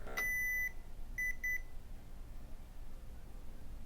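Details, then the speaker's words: Advocate automatic arm blood pressure monitor powered on with nobody wearing the cuff: one long electronic beep, then two short beeps, an error alert; no reading is taken. "If you turn the power on and nobody's actually wearing the cuff, it will show an error message, so it won't take a reading."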